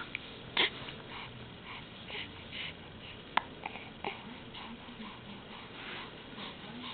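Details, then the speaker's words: Hiccups in a 6-week-old infant wearing footed pajamas: a few brief, sharp catches of breath, irregularly spaced, in a quiet room with soft background noise. "hey what you doing got the hiccups again look at you and your cute little jammies you got the feet on and everything oh no"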